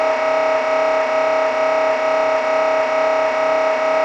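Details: Sample MRI scanner noise for preparing patients, especially children, for a scan: a loud, steady buzzing tone pulsing about twice a second, the rhythmic drone of a running sequence.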